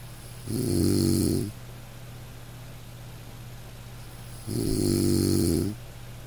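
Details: Snoring of a man in deep sleep: two loud, rattling snores about four seconds apart, roughly 15 breaths a minute, over a steady low background hum.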